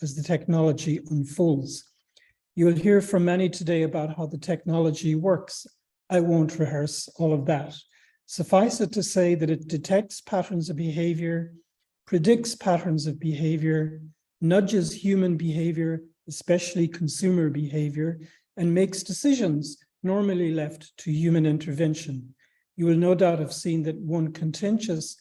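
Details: Adult male speaker; Normal speech.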